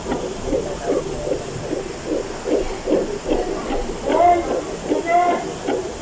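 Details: Fetal heartbeat on Doppler during a prenatal check-up at a health center, mother's third baby, heard after the doctor had her lower her legs: rapid rhythmic whooshing pulses about 150 a minute with faint voices.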